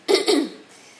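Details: Adult with cystic fibrosis on night 17 of a hospital stay, feeling quite a bit better; two quick, loose cough bursts, a typical productive-sounding cough of the condition.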